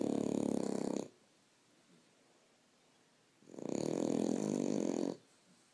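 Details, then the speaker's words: French bulldog snoring: two long, loud snoring breaths with a fast fluttering buzz, likened to a helicopter, separated by a quiet pause. "Sounds like a helicopter. Huh."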